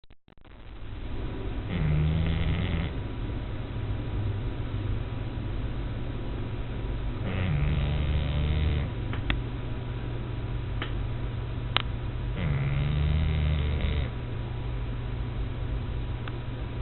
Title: Snoring PUG